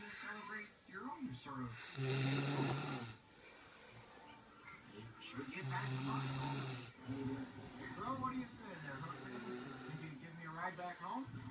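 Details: Man snoring while sleeping after a 13-hour night shift: low, rumbling snores repeating with the breaths, with a television playing in the background.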